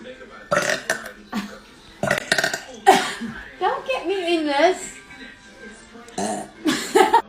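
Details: Compilation of loud, drawn-out voiced burps in a row with background music; ordinary burping.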